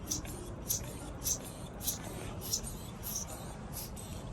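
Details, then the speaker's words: Soft rhythmic squeezes and hisses, about 100 a minute, as a manual blood pressure cuff is pumped up with the bulb to about 200 mmHg on an adult arm in a first-time-user teaching demonstration: blood pressure cuff inflation. "I'm gonna pump it up to about 200 millimeters of mercury. But there are some other ways to learn on how much you should pump that up to, but for now we'll stick to 200 millimeters of mercury."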